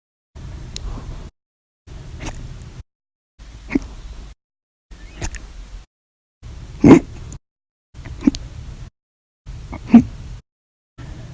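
Short, sharp involuntary catches recurring about every one and a half seconds, roughly 40 a minute, some louder than others: repetitive hiccups.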